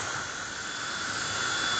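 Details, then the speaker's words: Low-speed dental handpiece on a dental unit, run by pressing the foot pedal while turning the speed control: steady airy hiss with a faint high whine as the bur spins. "mata bornya berputar untuk mengurangi atau menambah kecepatan bor kita sambil menginjak sambil memutar kayak gini"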